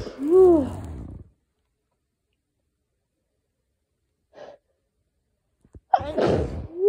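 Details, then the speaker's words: Sneezing from pollen allergy with a very itchy, sensitive nose: two loud, voiced sneezes separated by a quiet gap, with a short catch of breath before the second. "okay inducing is really easy but all of my sneezes sounded like that"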